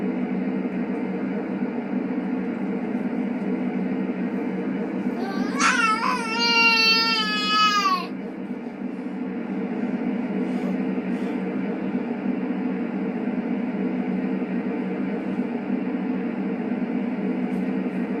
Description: just a very bad quality but hilarious of the sounds my baby makes when I put him to bed! he sounds like a whining kitty🤣🤣🤣🤣